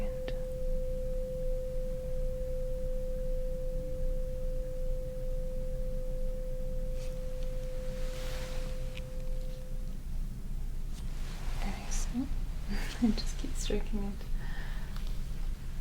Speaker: let me know when you stop hearing it very good oh sorry strike it again now we're going to go on the other side let me know when you stop hearing it okay very good and let me know when you stop hearing